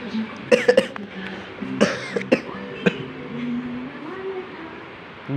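About six short, sharp coughs from an adult, a quick cluster then scattered single coughs, over low room and traffic noise; a persistent cough.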